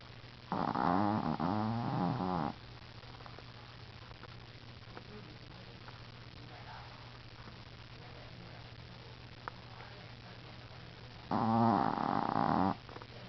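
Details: Shih Tzu dog snoring loudly: two loud, rough, rattling snores about two seconds long, ten seconds apart, with steady hum and quiet room noise between.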